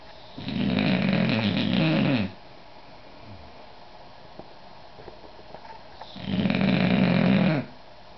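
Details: English Bulldog snoring during an afternoon nap: two long, low, rattling snores with quiet pauses between them, about 15 breaths a minute.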